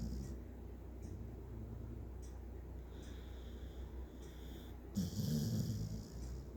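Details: Snoring: low rumbling breathing noise throughout with a louder snort near the end.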